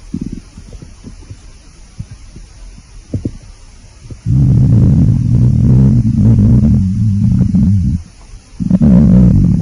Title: hungry stomach growling